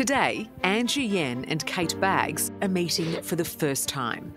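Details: Adult woman narrator; ordinary speech.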